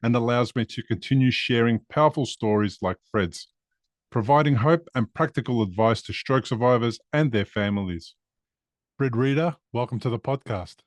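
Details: Adult man; normal speech.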